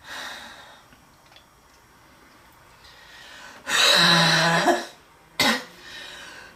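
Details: Girl in a relentless, severe coughing attack described with wheezing: two forceful, harsh coughs, the first long and voiced, in a quiet room; a coughing fit.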